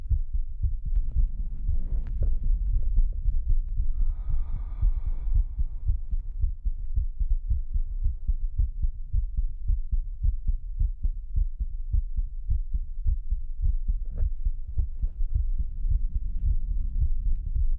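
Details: Pre-recorded heartbeat with a lower thump, used as an ASMR sleep trigger, 3Dio binaural microphone; steady low, dull thumps at a quick, regular pace under a faint hum; normal heartbeat.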